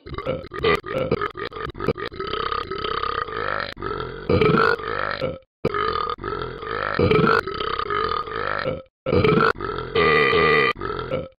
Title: Burping dog